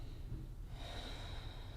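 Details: Short, forceful nasal snort during a light-touch chiropractic adjustment with emotional release as frustration and anger rose, over low room rumble, followed by a faint high tone.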